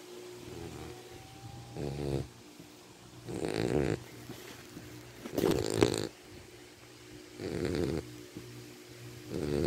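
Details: Snoring: rhythmic rattling snores in short bursts roughly every two seconds, with quiet room hum between.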